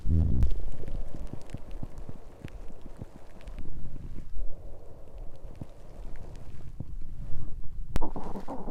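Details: Stomach growling (borborygmi) from digestion rather than hunger: low gurgling and bubbling rumbles with crackly pops from the belly.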